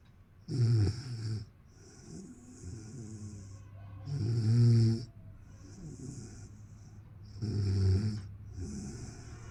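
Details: Loud, low rattling snores on each breath in, about 18 a minute, with quieter breaths out between them; ordinary snoring.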